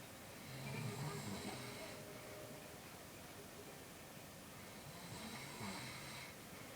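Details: Man snoring: two low, rumbling snores on in-breaths, several seconds apart, over steady background hiss.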